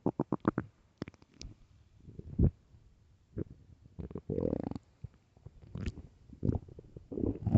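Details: Low gurgling and rumbling bursts of varying length, recorded early morning: typical stomach growling, ordinary bowel sounds (borborygmi).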